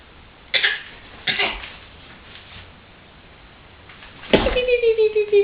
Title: Peek-a-boo makes some babies cough --